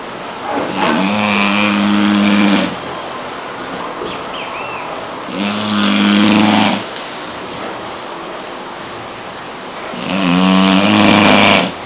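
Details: 5.5-month-old American Staffordshire Terrier lying on a sofa snoring very loudly: three long, loud, buzzing snores about five seconds apart, with quiet stretches between them.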